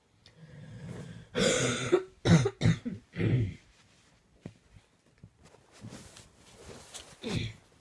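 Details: Nighttime coughing fit at 2am: a run of about five forceful, harsh coughs with throat clearing, then quieter breathing in a small room.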